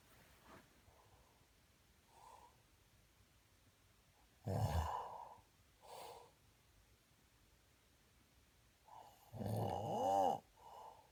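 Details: Snoring: two loud rattling snores about five seconds apart, each with a softer breath between, in a quiet room.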